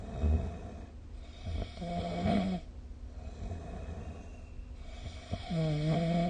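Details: Snoring during sleep recorded with the SnoreLab app: two low, rattling snores on the in-breath separated by quiet breathing.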